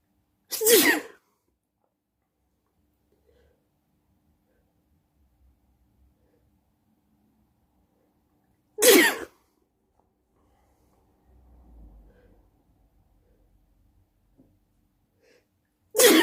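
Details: Loud sneezing at night: three sharp, loud sneezes several seconds apart in a quiet room; repeated sneezing.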